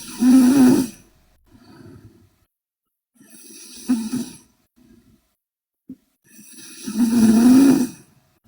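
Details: Korean girl asleep: loud, rough snoring on each in-breath, softer breath sounds between, about three snores in eight seconds; loud snoring.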